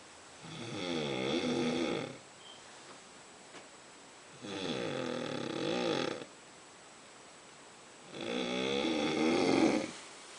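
Three long, harsh, vibrating snores on inhalation, about 15 a minute, with quiet breaths between; loud snoring.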